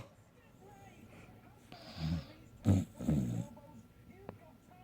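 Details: A few low, rough, rattling breath sounds during sleep over quiet room noise. Snoring.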